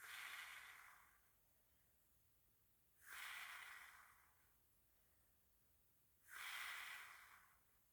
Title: Kryptopow bod/ Snoring Kryptopow